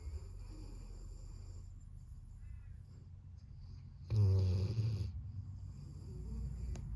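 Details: Steady low breathing with one loud, rough snore lasting about a second, over quiet room hum, from a golden retriever asleep at the owners' feet under a desk: snoring.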